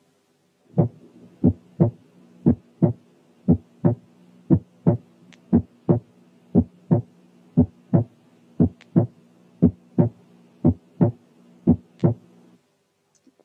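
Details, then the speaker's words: Teaching example of an accentuated second heart sound on cardiac auscultation: a regular heartbeat near 60 a minute, with the second sound much louder than the first and ringing. "لكن إذا كان الانتنسيتي اوف ذا سكند ساوند أعلى كتير من الفيرست، بيكون accentuated، وخاصة إذا كان له رنة زي المثال الآتي."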